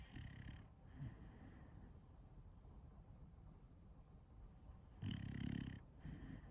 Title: Snoring dog #snoring #dogshorts